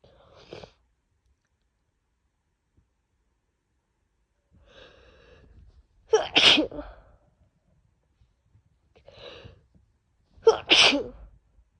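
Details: Two forceful wet sneezes, each after a short breathy wind-up, with faint sniffing between, from someone coming down with a bad cold with a worsening cough and nose blowing; repeated sneezing.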